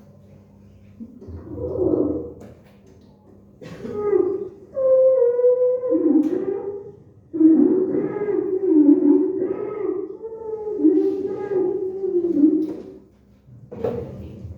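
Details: Repeated high-pitched musical whistling sounds, some drawn out, over quiet breath noise: inspiratory wheezes, in a lung pathology teaching recording.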